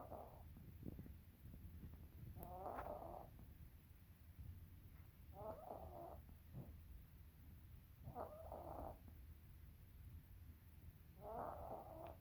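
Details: Resting cat snoring with eyes open: soft, raspy snoring bursts about every three seconds over a steady low room hum.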